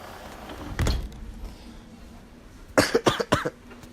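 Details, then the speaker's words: A sick adult gives a quick run of three or four short, harsh coughs against quiet indoor noise. "me coughing some sick as well"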